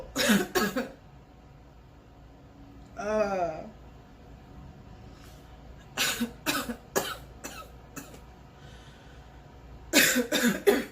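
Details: Girl with a persistent cough all morning, a non-smoker reporting burning and each breath in triggering it: repeated short dry coughs in small clusters with throat clearing between, a coughing fit.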